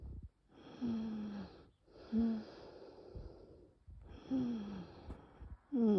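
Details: Labored breaths with loud musical wheezes, about four breaths in six seconds, during bronchial spasm in a very severe nocturnal asthma attack without coughing; bronchi later reopen with rescue medication; wheezing.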